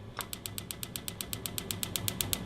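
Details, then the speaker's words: Extracorporeal shockwave therapy applicator on gel over the lateral elbow at the proximal radial head, triggered by foot pedal or button and moved over the injured area at the patient's tolerance. Sharp, evenly spaced clicking pulses, about seven per second. "I'm going to disperse the gel and when we're ready we could go ahead and by stepping on this or utilizing the button here and we could go ahead and get the sound pulses going on so what you're going to be hearing is these are the sound pulses and"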